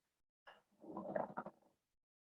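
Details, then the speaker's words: Pleural friction rub from inflamed pleura: coarse grating, creaking sound, very intense and sometimes audible at a distance, heard in both breathing phases, does not disappear with coughing, and can be confused with moist rales or rhonchi. "este va a ser un sonido muy intenso, audible a veces a distancia, y se percibe en los dos tiempos respiratorios, y no va a desaparecer con la tos"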